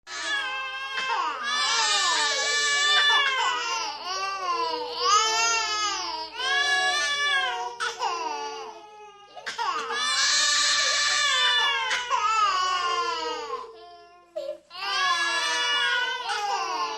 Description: Get ready to hear the most annoying sound effect of all time. It was the sound of many babies, crying and screaming directly into your brain.